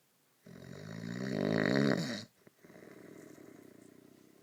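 A long, loud, rattling snore on the in-breath that builds and then stops, followed by a softer fluttering breath out.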